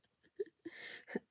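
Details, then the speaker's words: Dog named Eric snoring while asleep under a table: soft snuffles, then a raspy, airy snore and a brief snort. "oh sorry eric's under my table can you hear him snoring"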